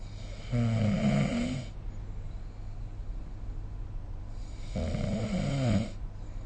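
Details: Snoring recorded with a snoring-recording phone app: two loud, low, rattling snores about four seconds apart, roughly 14 breaths a minute, with quiet exhalation between; typical snoring during sleep.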